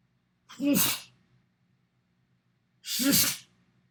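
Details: Two sharp, loud adult sneezes about two seconds apart, each opening with a brief voiced intake before the explosive burst; ordinary sneezes recorded in a mirror, cut together into a compilation.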